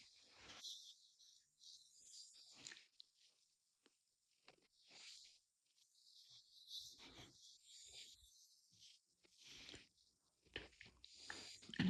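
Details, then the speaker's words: An adult man (the husband) snoring in the background of a quiet room: quiet, regularly repeating rough, rattly breathing noises. "Alors, c'est pas mon chien qui ronfle, ce que vous entendez. C'est mon mari."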